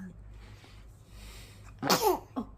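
After a quiet room, a sudden sharp burst of air with a brief follow-up snort: a dog sneezing.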